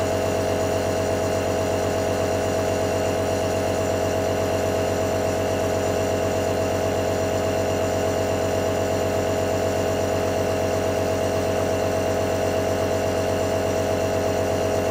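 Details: Nebulizer running: steady, loud mechanical hum and buzz of the compressor without a break.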